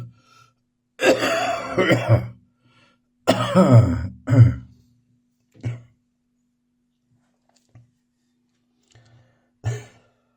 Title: Bronchitis morning cough.